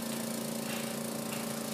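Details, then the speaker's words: Suction machine switched on during a tracheostomy suctioning demonstration: steady motor hum with a constant airy hiss. "so I'm going to unwind my suction source and I'm going to turn on my suction"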